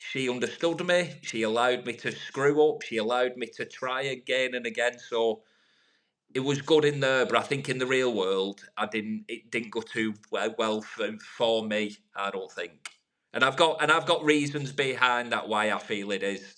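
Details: Adult man from the UK who has stuttered for over 30 years, improved over about 3 years of therapy over Skype since COVID and public speaking groups, now no longer a big issue; stuttering.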